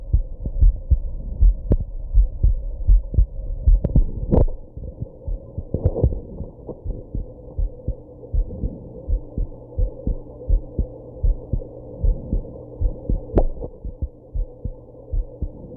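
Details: Heartbeat after drinking alcohol and smoking, with hiccups: steady low heartbeat near 78 a minute with hum and a few sharp early jolts, likely hiccups; heartbeat.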